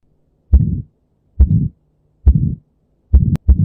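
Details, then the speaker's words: Heart sound demonstration of aortic valve stenosis: heartbeat at about 70 a minute with a harsh, rushing murmur after each first heart sound; aortic stenosis murmur. "اما بقى لو حصل ديك في الصمام الاورتي فهسمع الصوت"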